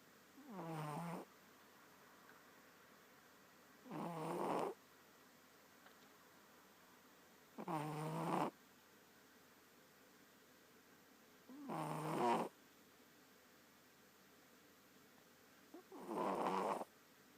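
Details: Snoring: short, fluttering snores at steady intervals of about four seconds, roughly 15 a minute, in a quiet room.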